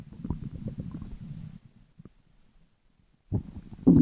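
Low bubbling, gurgling rumbles that stop briefly and then return: stomach growling, normal bowel sounds.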